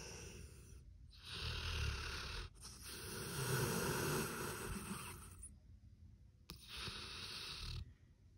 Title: ASMR PITBULL SNORING | #ASMRpitbullSNORING | SleepingDominoPitBullASMR | "Thats It Thats All"-cc